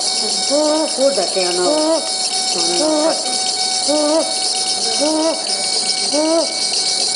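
Infant making repeated high-pitched, crowing noisy breaths, about 50 a minute, over steady background hiss; croup with stridor.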